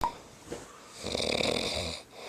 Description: So , they recorded me sleeping using my flip phone to show my doctor.